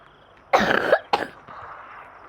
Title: Day 8 meng intercept tornado sorry aku batuk batuk